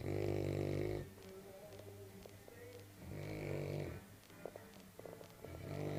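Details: Senior Cane Corso asleep in the morning: loud, low, rattling snores about every three seconds, roughly 20 breaths a minute, with faint room noise between; snoring.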